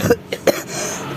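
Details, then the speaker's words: Adult with a cough for two days, dry itchy throat and feeling unwell: three short, dry cough bursts in quick succession, then quiet room noise. "nih hari ini aku lagi batuk dan gak enak badan nih guys"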